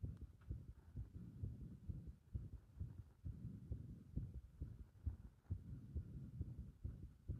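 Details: Heart sounds with the rhythm disturbed by pressure (compression) on the chest: low, muffled beats at about 130 a minute, uneven in spacing and strength; irregular heart rhythm.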